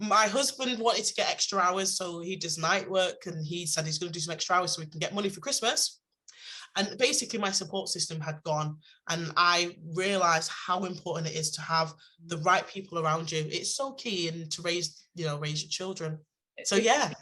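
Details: Adult woman speaking; Normal voice.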